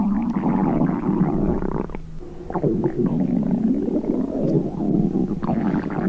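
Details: Stomach growling: a long, gurgling, rumbling sound with shifting low and mid tones over about six seconds; ordinary bowel sounds (borborygmi).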